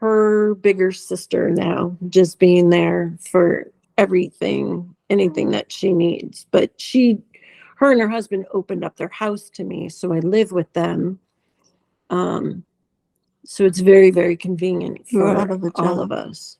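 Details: Dysarthria in an adult woman with multiple system atrophy; uses a voice enhancer to amplify her voice at times, has had speech therapy, and has swallowing problems.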